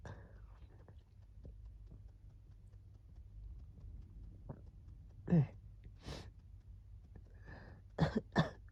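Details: During a cold, as the wheezing was settling down: after a quiet stretch, four short, harsh coughing bursts come close together near the end, with no wheeze heard.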